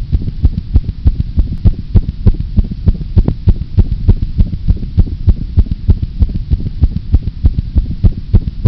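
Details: Cat heartbeat sound effect played to calm kittens: fast, steady low thumping at about 190 beats a minute, within a normal cat's 140–220 range.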